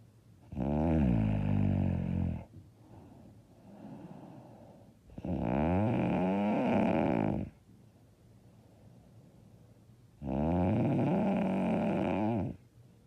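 Loud, harsh, rattling snores on each breath in, about three in 13 seconds, with quieter breaths out between; heavy snoring.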